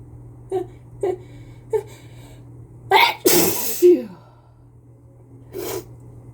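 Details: Wet, messy sneezes onto a glass pane by a person with a cold: several short catching inhales build to one loud, explosive sneeze, then a softer second sneeze, over a steady low hum.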